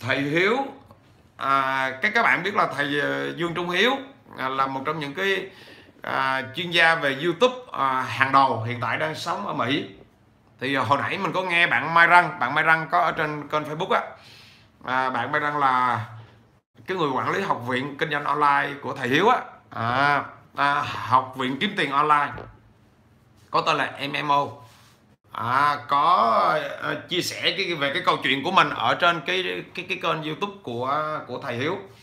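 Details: 43-year-old man with stuttering since childhood, improved with much speaking but still persisting; stuttering.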